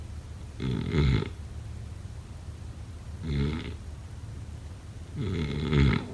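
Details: Three deep, rattling snores with quiet gaps, about 25 a minute; ordinary snoring during sleep, offered as a sleep sound effect.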